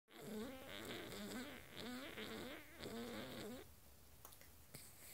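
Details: Several long, buzzing, fluttering nasal rattles with rising and falling pitch, like breaking wind, then quiet room noise: a dog snoring, owner says the sound comes from its nose.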